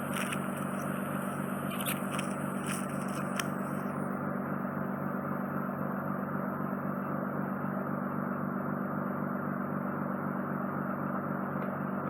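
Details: Endoscopic microsuction finishing removal of soft wet wax, softened by drops, from an ear canal over an inflamed, scarred eardrum; loud steady suction roar with brief crackling and slurping.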